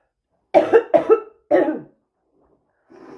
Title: bad smokers cough